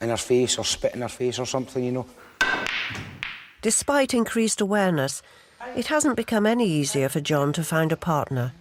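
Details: Adult male narrator, after a brief clip of another speaker; normal fluent speech.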